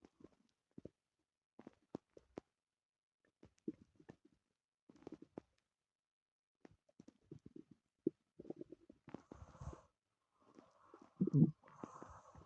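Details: Own stomach growling, audio only: soft gurgles and rumbling squeaks from the abdomen building to louder growls near the end; ordinary borborygmi.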